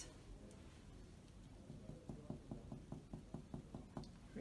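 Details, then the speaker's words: Chest percussion in respiratory examination demonstration (2018), supraclavicular fossa and clavicles, left to right: about ten hollow, low tapping thuds giving normal resonant percussion note. "resonant and for the clavicle I will focus directly resonant resonance"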